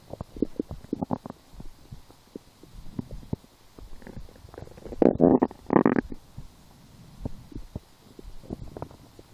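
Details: Hunger-related stomach growling (borborygmi) while lying down, after skipping breakfast, a small lunch, and two doughnuts four hours later: irregular gurgling and rumbling bursts, louder near the middle.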